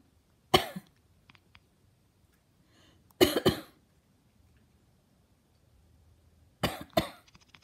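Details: Coughing: three bouts of one or two harsh bursts each, separated by quiet pauses in a small room.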